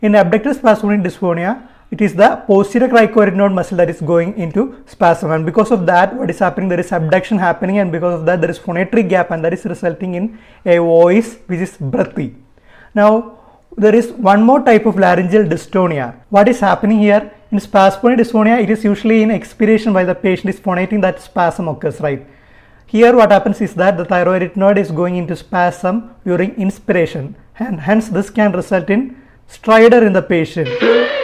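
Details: Adult speaker; normal speech.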